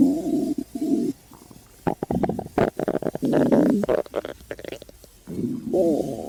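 Loud gurgling, rumbling bowel sounds in bursts with bubbly pops; ordinary hunger stomach growling.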